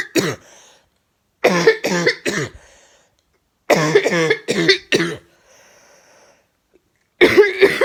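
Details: Chronic cough recurring every year for five years and lingering 6 to 9 months at a time, milder this year since starting Fosters: repeated bouts of harsh, dry coughs in runs of two to four with pauses.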